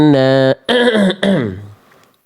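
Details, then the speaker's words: Sustained chanted Quran recitation breaking into two rough, gravelly throat-clearing bursts from a reciter with a cough, asthma and shortness of breath. "Suara saya lagi batuk, Bunda, ya. Lagi ada-ada asmanya, ada sesek-seseknya."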